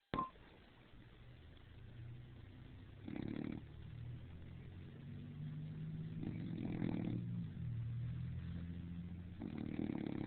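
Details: Female, overheated after crawling under the covers, then poked her head out and made her loudest snores yet: low, rumbling snores about every three seconds, roughly 20 a minute, over steady room hum; snoring.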